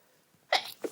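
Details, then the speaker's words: A single sharp, airy sneeze after a faint intake of breath and a teasing nasal tickle, with a brief voiced sound at the end; sneeze. "Feel my sneeze building. Right in the back of my nose. Teasing me. Tickling me. Itching me."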